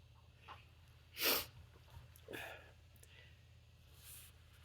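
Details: Sneezing while reading The Raven aloud: one loud, sharp sneeze burst, then a softer breathy sneeze-like sound, in a quiet small room.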